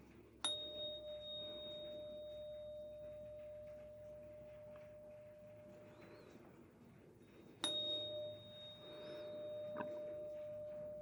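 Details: Steady, pure ringing tone from a struck 512 Hz tuning fork during a simulated roleplay cranial nerve (CN8) hearing exam, screening hearing.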